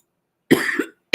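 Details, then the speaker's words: Mild dry cough attributed to allergies in an adult woman speaking during a live broadcast: one short double-phase cough, followed by the start of another. "as you can hear I have a bit of a cough and it's allergies guys"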